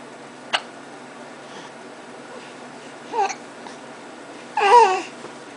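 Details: Baby talking to himself and kicking his feet: a short sharp hiccup followed by babbling vocal sounds: hiccups.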